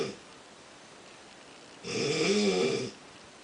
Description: This is what I have to hear all the time...the sound on the video doesnt even come close to what it's like in real life!!!